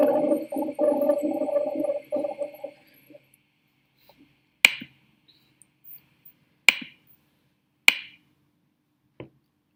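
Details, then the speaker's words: Teaching demonstration of rhonchi: low, coarse, gurgling snore-like breath sounds from mucus obstructing the airways, unlike wheezes from narrowing. "Y eso que escucharon, chicos, es el roncus. Es como lo que me disminuye, me hace obstrucción al paso del aire es el moco."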